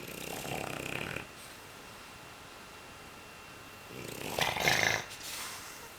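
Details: Loud snoring from a sleeping dog after 2½ hours of playing outside; two short, noisy, snorting breaths separated by a quiet pause, with faint room hum.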